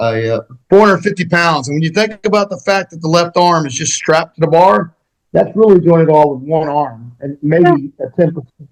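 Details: Adult man speaking; ordinary speech.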